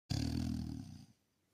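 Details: A single low, rumbling breath noise about one second long, fading out at the end: snoring.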